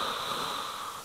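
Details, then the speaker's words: An adult imitates a sleeping child's harsh, hissing mouth-breathing noise, described as abnormal and a sign of sleep-disordered breathing with the mouth open and chin relaxed, the noise parents are asked about rather than snoring. "donc combien de fois je dis aux parents je vous demande pas si ronfle est-ce qu'il fait ce bruit là"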